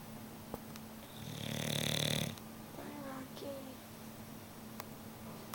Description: rocky the bulldog is snoring...once again